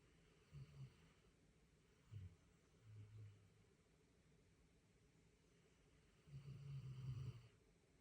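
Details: Small dog sleeping, with light snoring: soft, low, rumbling snorts in a few irregular breaths with quiet gaps between.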